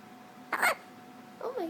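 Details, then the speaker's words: A short, sharp catch of breath typical of a baby's hiccup, followed by a small voiced sound; harmless infant hiccups. "got the hiccups? You got the good hiccups."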